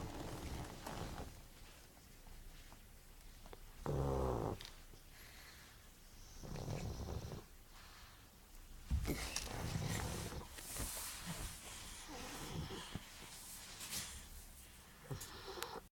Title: Yoda, The Snoring Pug